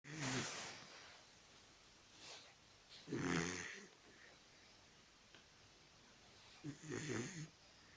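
Soft snorting snores from a small dog, coming in irregular breaths over a quiet background; ordinary snoring.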